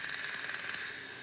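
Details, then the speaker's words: Steady loud hiss with fine rapid crackle as a dental water laser zaps away decay while filling an 8-year-old child's cavity at a pediatric dentist; the patient reports no pain. "the water so that noise right there is the beam yep yeah the zapping sound and you don't feel anything right"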